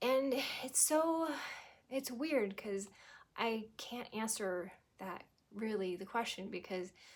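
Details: Adult woman who had a stroke at 18, about 25 years ago, and progressed from global to what she believes is anomic aphasia; fluent speech with pauses and word-finding trouble; anomic aphasia.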